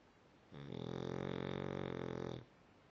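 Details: A single drawn-out, buzzing snore of about two seconds with a steady vibrating rattle from someone sleeping.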